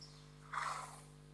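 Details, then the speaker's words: Brief fluttering rush of air forced out through a horse's nostrils, a calm snort (ébrouement), from a horse walking calmly; horse snort. "le cheval se déplace au pas tranquillement et mets un éboursement ici c'est un cheval qui sort pour la première fois au paddock il est excité soufflement"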